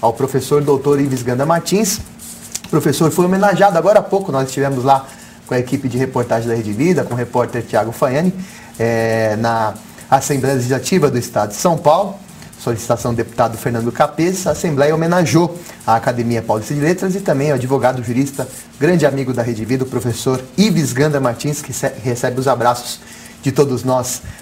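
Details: Adult male TV presenter; typical speech.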